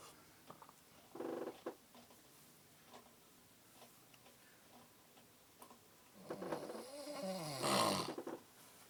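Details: Loud snoring: faint breathing, then a loud wavering snore that rises into a whistling, rattling sound near the end.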